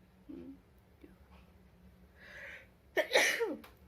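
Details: Quiet breath intake, then one loud sharp sneeze with a short trailing vocal sound, set off by a nasal swab during a Covid-19 test; normal sneeze reflex.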